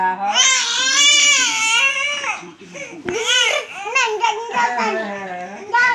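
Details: Loud, high-pitched crying of an infant girl throwing a tantrum until coughing, after being teased by grandmother, in rising and falling wails with catches of breath in a small room.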